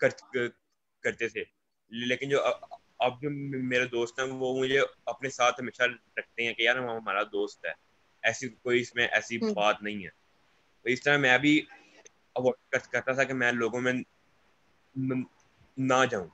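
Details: Young man who stammers, a student speaking in Hindi/Urdu; stuttering.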